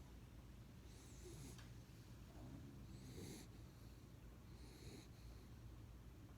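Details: A sleeping dog snoring with quiet, rhythmic, breathy snores and a low rumble about every two seconds.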